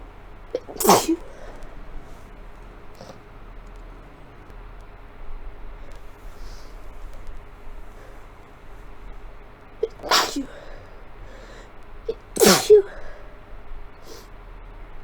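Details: Sneezing fit in a person with a cold, sick for several days, several fits combined: three forceful sneezes, the last two close together, over steady computer-fan hum.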